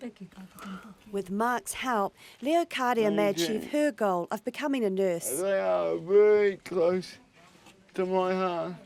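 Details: Adult narrator; normal speech.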